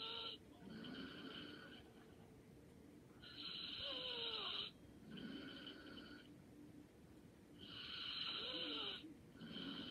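Soft, regular breathing with light, whistly snoring on each breath, about 14 breaths a minute; light snoring in sleep.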